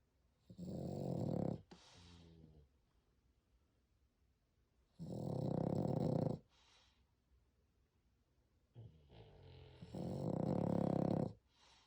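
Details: Sleeping French Bulldog snoring very loudly: about three long, rough, rattling breaths with quieter exhales between, in a quiet room, with another dog faintly snoring in the background; snoring.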